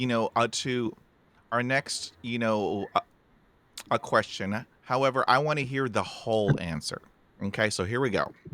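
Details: Adult man speaking; normal speech.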